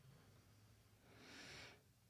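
Quiet low rumbling breath followed by a soft, airy snorting exhale from a sleeping dog in a small room; ordinary dog snoring.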